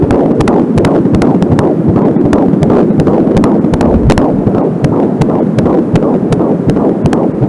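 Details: A home Angelsound fetal Doppler picks up a fast, regular whooshing fetal heartbeat at about 160 per minute over steady hiss. The occasional slower beats are the mother's own pulse from a nearby artery.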